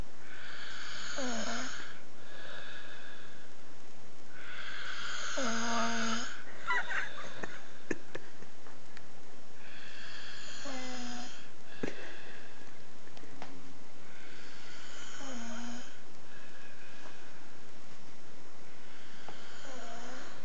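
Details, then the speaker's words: Man snoring in the middle of the night in a hotel room: repeated whistling, wheezy snores and snorts, about four or five breaths in twenty seconds, over steady background hiss; noisy snoring. "He's snoring and disturbing us in Vienna. We are in a hotel and you're going to visit a very special guy and with a very special snoring sound."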